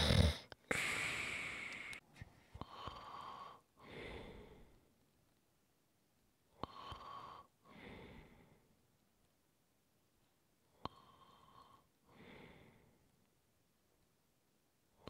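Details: Slow, breathy snoring breaths, about four in fifteen seconds, with soft snorts and quiet gaps; snoring during sleep, recorded as ASMR relaxation sounds.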